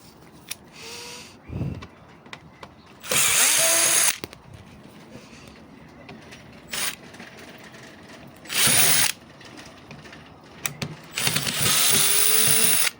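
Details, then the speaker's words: Invacare Platinum 10 L oxygen concentrator, about 1887 hours of use: loud bursts of harsh hissing and grinding alternating with quieter running, coming from the faulty pneumatic compressor, later replaced. "bastante desagradable este sonido ese sonido proviene de este elemento que es un compresor neumático"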